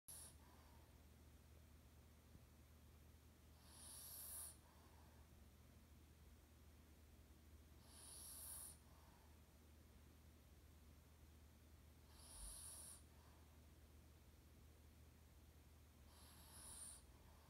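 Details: Quiet, soft airy snores about every four seconds, roughly 14 a minute, over a steady low hum: regular snoring breaths.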